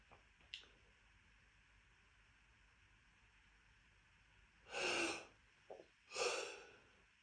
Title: Dust Sneezing Fit